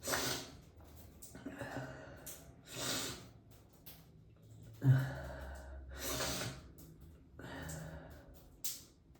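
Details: A run of sharp, airy sneezes, each after a quick in-breath, in a quiet room, sneezing onto a CD.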